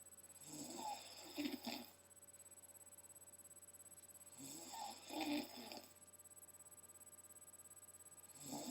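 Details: Little kid sleeping, per the caption; rattling, snorting snores about every four seconds, roughly 15 breaths a minute, over a steady hum: loud snoring in sleep.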